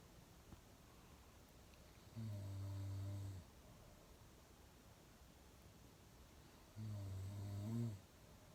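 Two deep, rumbling snores with a pause between, on inhalation during sleep, over faint room hiss.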